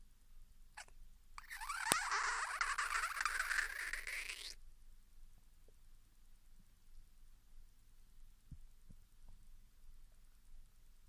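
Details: Japanese girl's hunger stomach growling (borborygmi) after 16 hours without food, starting after drinking mineral water, recorded with the device placed directly over the stomach.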